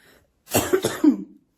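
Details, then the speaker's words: A short, harsh cough in two or three quick bursts, rough and slightly wet, from an adult woman who says she is still sick and could not sleep. "Ixi, Maria. Tossindo nas roupas dos outros."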